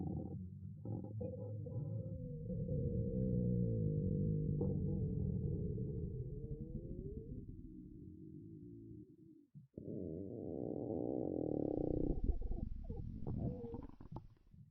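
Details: Ordinary stomach growling (borborygmi) in a girl: long low rumbling and gurgling with a rising, bubbling gurgle near the end.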